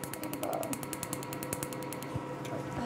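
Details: Rapid, regular sharp snapping pulses, about eight a second, from a laser during a woman's painful first tattoo removal session of about 15 minutes; tattoo removal laser firing.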